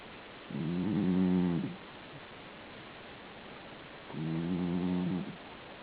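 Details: Two long, rumbling, voiced snores with a quiet gap between them, at a slow sleeping breath pace. Snoring.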